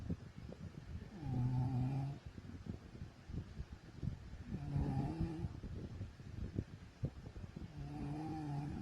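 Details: Adult woman (wife) snoring in her sleep, from a compilation of older recordings: low, rattling snores with each breath, about 18 a minute, over steady background noise.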